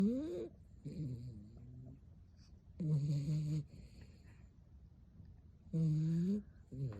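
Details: Snoring from a dog.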